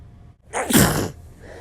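One sneeze: a brief quiet pause, then a sharp explosive burst of air that fades quickly.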